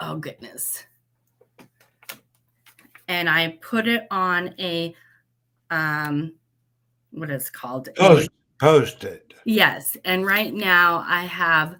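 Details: Post-stroke aphasia with word-finding difficulty in a woman who had a stroke at age 38; she practises, writing words she cannot get out on a board and Post-it notes, though she also says she does not have aphasia.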